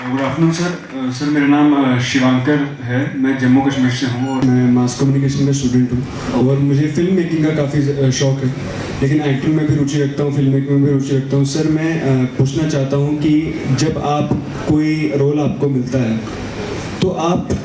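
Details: Adult man; typical speech.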